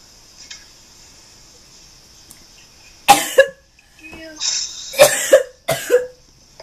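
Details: Acted, simulated cough performed as a prank pretending to cough up blood: a few sharp, forced coughing bursts with throat noise between them.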